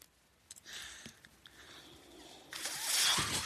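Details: Speaker's own mechanical ventilator during a spoken podcast in a quiet room: soft airy hissing swells with small clicks, rising to a louder rush of air as a breath is delivered.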